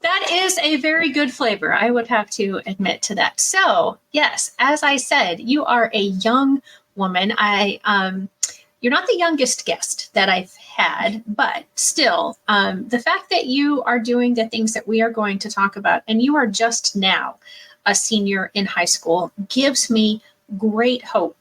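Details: Adult woman speaking; normal speech.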